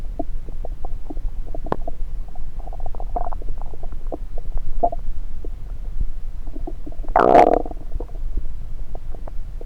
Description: Today's Stomach recording session has the Stethoscope placed on multiple parts of my belly.